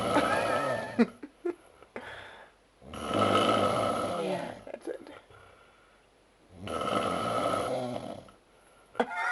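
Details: Heavy snoring from a man after Oktoberfest drinking; loud, rough, rattling snores on each breath, about three breaths heard, with quieter gaps between.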